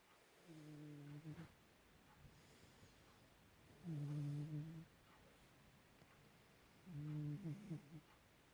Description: I had to do this little clip as it was so cute that my cat was snoring and all curled up In a ball and his pour over his face. 🐱🐱🐱